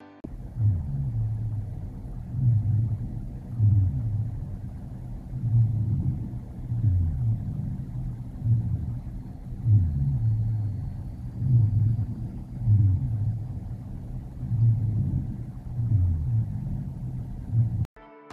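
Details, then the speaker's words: Low-pitched rumbling, snoring-like sounds in both inspiratory and expiratory phases, about 20 breaths a minute: rhonchi, which usually clear after coughing. "similar to wheezes they often have a snoring gurgling or rattle-like quality ronki occurs in the bronchi"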